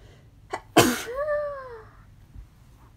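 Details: A quick in-breath, then one explosive sneeze ending in a brief voiced trailing sound; a deliberately induced sneeze.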